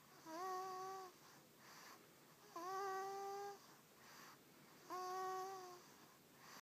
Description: My 6-week old baby-boy snoring in my lap.